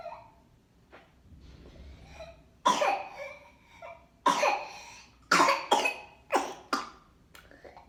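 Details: Whooping cough (pertussis) in a patient with a runny nose: a series of harsh, forceful coughs in close succession after quiet breathing, in a small room, i.e. a paroxysmal pertussis cough.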